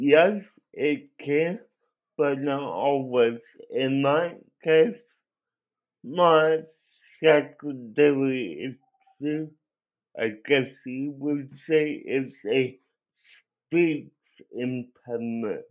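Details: Adult with cerebral palsy that affected his voice; he cannot walk and has muscle spasms; dysarthria (cerebral palsy).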